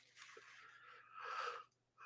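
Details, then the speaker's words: Dog resting, tired after an extensive run in the sun: two noisy, airy breaths, the second louder with a slight whistle, over faint room hum; soft snoring. "they are in here they snoring can you hear it the dog is snoring back there"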